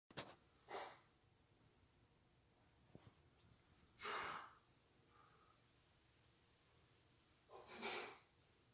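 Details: Three short, sharp, hissing sneezes several seconds apart with quiet breathing between, from a cat; a small straw from eating grass had got into its nose, and the cat recovered.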